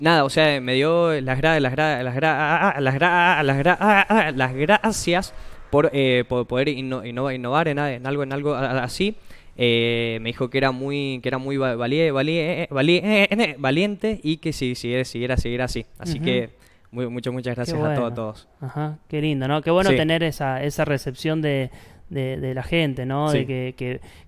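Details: Young Spanish-speaking man from San Juan, Argentina, who co-created an app for people who stutter, speaking spontaneously in a broadcast interview. Stuttering.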